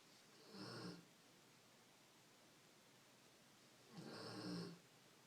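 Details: Female pet pig Cypress snoring during her noon nap: two rough, snorting snores about three seconds apart over quiet room noise; snoring in sleep.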